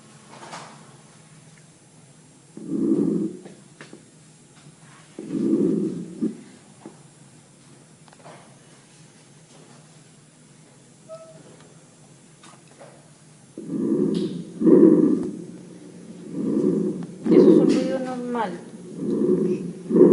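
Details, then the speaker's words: Normal tracheal breath sound heard on auscultation over the trachea. "a nivel de tráquea nosotros vamos a encontrar ruidos normales y ruidos patológicos vamos a Escuchar el ruido normal a nivel"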